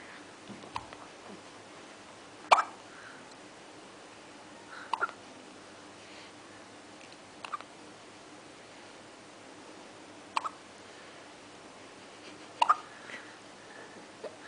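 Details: Three-day-old newborn: quiet, sharp hiccup clicks, five in about fourteen seconds, roughly every two to three seconds; infant hiccups.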